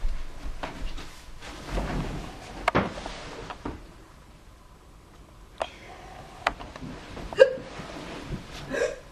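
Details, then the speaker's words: Person with hiccups, testing home cures: several sharp, abrupt gulping clicks spaced irregularly over quiet room noise, from the glottis snapping shut after diaphragm spasms. "agm tightens and then pulls air into the lungs the loud noise comes from our breath being cut off by the glotus shutting glotus is the opening between the vocal cords"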